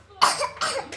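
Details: 3-year-old girl with cystic fibrosis doing airway clearance physiotherapy with an Acapella device: after blowing in about 6 times she gives two to three loose, wet coughs clearing mucus.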